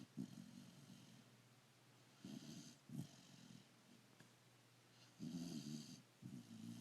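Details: Sleeping dog: irregular rattling, snorting breaths, about four in seven seconds: snoring.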